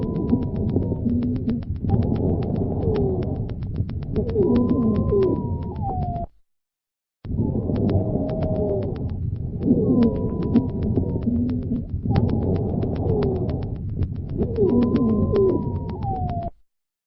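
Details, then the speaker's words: Polyphonic wheeze in asthma: several high musical whistling tones at once, fundamental above 400 Hz, a continuous sound heard on both inspiration and expiration. "le psy bilan est un bruit continu musicales dont la fréquence fondamentale est supérieure à 400 hertz il s'agit ici d'un psy bilan polyphonique entendu à l'inspiration et à l'expiration"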